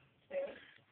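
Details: A single short, harsh hacking, throat-clearing burst from a dog the owner says has kennel cough, and thought had a cold: kennel cough.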